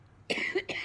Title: girl coughing a lot compilation